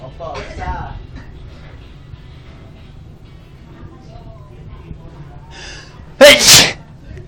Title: Sneezing Attack